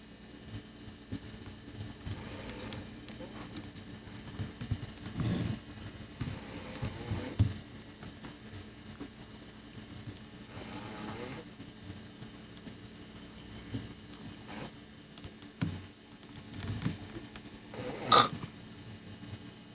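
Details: Snoring recorded in 1996: irregular low snorts and rough breathing sounds every few seconds over steady room hum.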